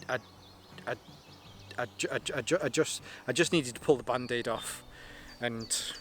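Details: Adult male with a stammer he links to his anxiety, lingering but improving, helped by propranolol; stuttering.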